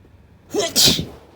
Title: Sneezes with nose blow at the end